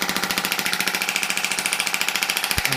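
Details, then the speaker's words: Extracorporeal shockwave therapy handpiece firing on a tennis elbow with thickened distal tendons, pressure set around 100–110 and high frequency. A fast, steady run of sharp mechanical pulses, about fifteen per second. "you can go reasonably high on the pressure so I would say hundred hundred and ten let's just sort of set and I go quite high in the frequency"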